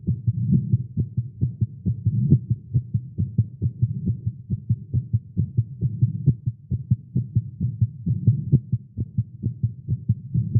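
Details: Male heartbeat recorded during exercise with caffeine, tagged irregular heartbeat: rapid low thumping at roughly 130 beats per minute, somewhat uneven in strength and spacing; fast heartbeat.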